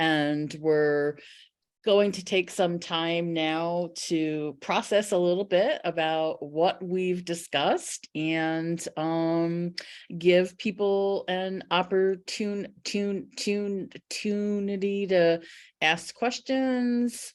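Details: Stuttering in an adult who identifies as a person who stutters, asking a question during a workplace-focused webinar.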